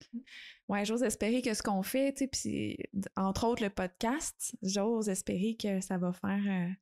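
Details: Adult woman speaking French; normal speech.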